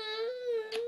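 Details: Brief high, steady whimpering cry ending in a breathy catch from a young boy during a seizure in Glut1 Deficiency, as his father comforts him.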